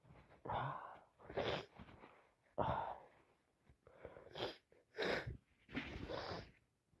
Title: Allergies in full , just bought some flowers and can't stop sneezing